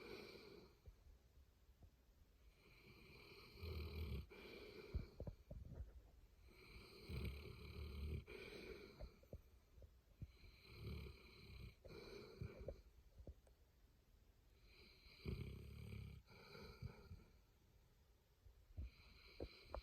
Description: Boerboel Kimber snoring and dreaming while he takes a nap! 💤